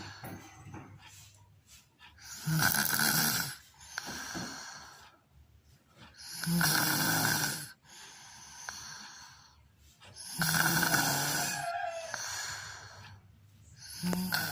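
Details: Unusually loud, harsh rattling snores with whistly, airy exhalations, about four breaths in 14 seconds; snoring.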